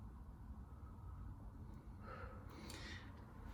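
Quiet low rumble with one soft airy breath midway and a brief knock at the end; normal breathing through a half-open mouth during chest auscultation.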